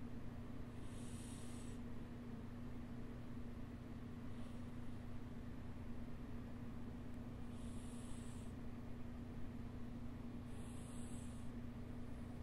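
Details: Soft, airy breaths about every three seconds, roughly 20 a minute, over a steady hum from a Filipino Puspin street cat in deep sleep and dreaming around 5am; loud breathing during sleep.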